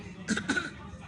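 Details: Baby girl with a newly learned habit of pretending to cough: two short, light cough-like bursts, a voluntary fake cough rather than an illness cough.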